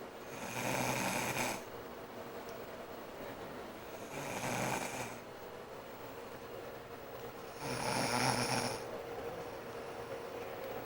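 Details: Mother snoring: three long, harsh rattling breaths roughly every three seconds, with quieter exhalations between.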